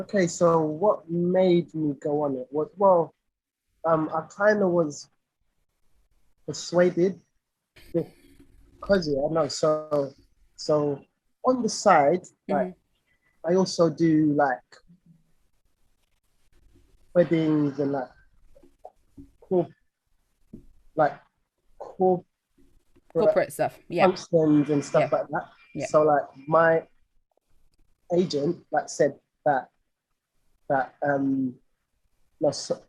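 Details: Lifelong stuttering (stammering) in an adult male singer; real conversational speech, broken with pauses and fragmented phrases.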